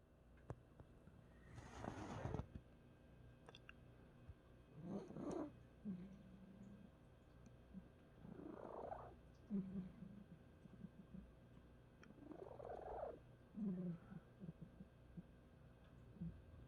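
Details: Soft, low snuffling snores from a sleeping cat named as a pet every few seconds, over a faint room hum: ordinary snoring.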